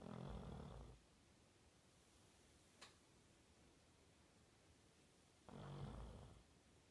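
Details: Snoring in Max, an 18-month-old Labrador, asleep: two low, rumbling snores about five seconds apart with quiet breathing between.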